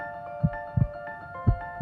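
Soft, regular paired heart thumps at about 58 beats a minute, with steady background music.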